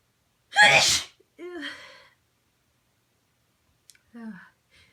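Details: Adult sneezing, induced with rolled-up tissue in a sensitive nose (possible cold or allergy): one forceful explosive sneeze, then brief vocal sounds and a softer exhale in a quiet room.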